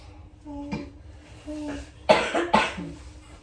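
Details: Adult patient's cough, two sharp coughs after two slow deep breaths in a quiet room, during a nurse's pulmonary and cardiac assessment while listening to breath sounds by stethoscope; patient reports cough with mucus, breathing unlabored.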